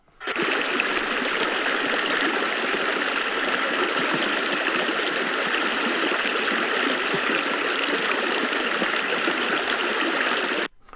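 Loud, steady rushing of a mountain stream, with low, middle and high tones all audible, as normal hearing perceives it.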